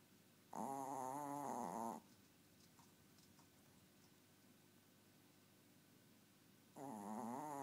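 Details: Dobby, a tiny 4-year-old animal, snoring: two long, loud, buzzing, tonal snores about five seconds apart over quiet room noise.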